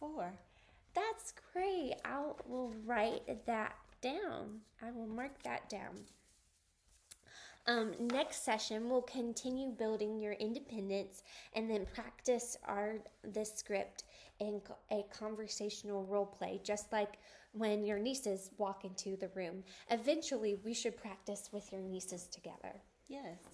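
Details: Adult woman clinician speaking, brief reply from another adult; typical speech.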